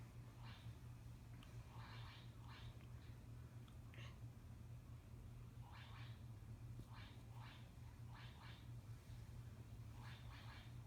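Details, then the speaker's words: Normal bowel sounds in a 17-year-old female during a nurse's abdominal assessment: short, soft gurgles in bursts over a low steady hum, heard immediately on auscultation. "I did hear them immediately upon oscilation if I had not I would have listened for at least 5 minutes before I determined that they were completely absent"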